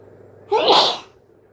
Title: Wet hayfever sneezes 🤧